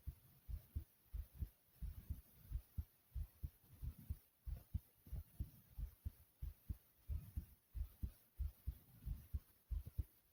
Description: my heartbeat goes from loud to low and soothing sound